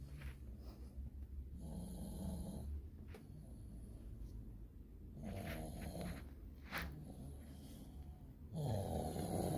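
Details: Severe snoring, apparently a dog asleep: low, rattling breathing noises repeating through sleep, with some louder snorting breaths.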